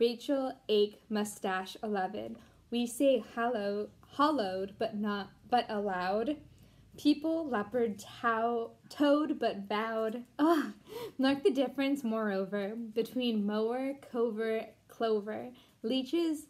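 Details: Deaf speech in a Deaf woman who was once completely mute and taught herself to talk again, reading an English poem aloud without being able to hear herself.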